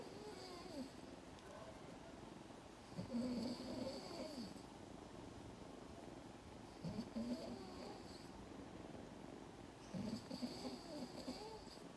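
Soft, rough snores recurring every few seconds over steady room hiss, with faint purring; ordinary sleep snoring.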